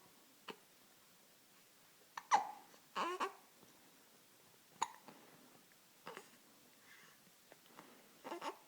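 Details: 1-month-old baby with hiccups: brief, sharp gulping catches at irregular intervals in a quiet room, with faint baby noises.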